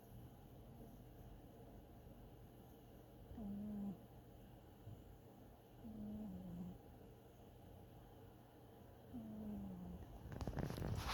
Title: Cat snoring and dreaming